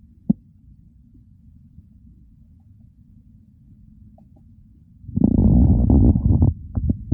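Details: Hunger stomach growling recorded during a real hunger-to-fullness digestive sequence: quiet background, then a loud two-second burst of gurgling, bubbling rumbles followed by short pops; borborygmi.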